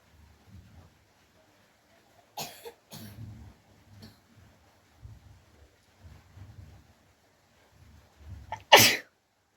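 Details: Woman in a sneezing challenge, using a piece of paper to provoke sneezes without a handkerchief: a few soft sniffs and breaths, then one loud, sharp sneeze near the end.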